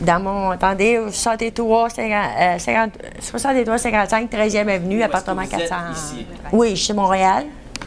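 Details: Woman examined in a neurology aphasia assessment, with fluent mixed aphasia involving semantic and phonemic paraphasias, impaired repetition, subtle comprehension deficits and more obvious expressive deficits; mixed aphasia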